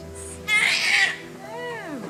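Two short, high-pitched wailing cries from a newborn just after delivery, over a faint steady musical background; a typical healthy newborn cry.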